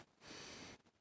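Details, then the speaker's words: A young child who has just learned to fake sneeze, asked to sneeze: one brief, airy, hissing burst without a true sneeze's sharp explosive onset; imitated sneeze. "just learned how to fake sneeze."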